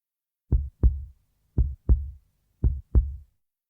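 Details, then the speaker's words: Normal heartbeat of a young child at a doctor's visit, heard through the doctor's stethoscope: three clear, steady lub-dub beats at about 56 a minute. "it's the sound of heartbeat which the doctor hears through her stethoscope"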